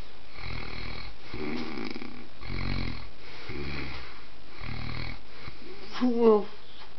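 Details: Dog snoring: low, fluttering snores about one per second, with a brief squeaky sound near the end.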